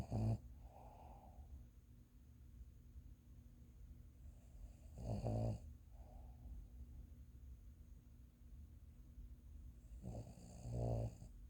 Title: Scout Snoring